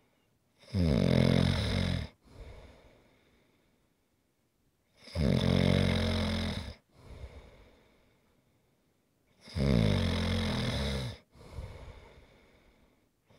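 Loud, rattling snores on each in-breath, each followed by a softer out-breath, about 13 breaths a minute; ordinary snoring.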